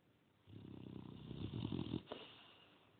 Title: 4-1-17 snoring